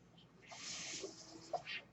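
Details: Man's own mechanical ventilator, heard while he records a podcast: mechanical ventilator sound.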